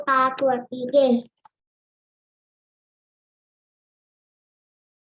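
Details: Front sounds replaced by /g/; generalized backing (cleft palate speech).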